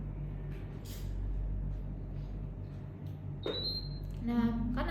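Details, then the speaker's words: Infusion pump occlusion alarm: a steady electronic tone and pulsing alarm after the IV line is kinked, as when a patient moves or walks to the bathroom; pump regulates fluids for CKD or heart-failure patients. "Dia gerak gitu terus ada ee ketekuk nih di sini kalau udah ada ketekuk gini dia bakal bunyi nih bentar"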